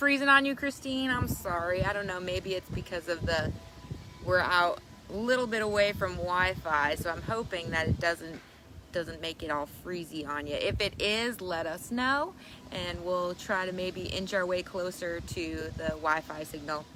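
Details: Adult woman speaking outdoors; ordinary speech.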